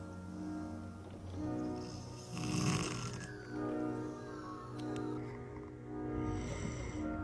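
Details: Slow, rhythmic snoring from a sleeping dog, roughly one snore every four seconds, with a snort, under background music; dog snoring.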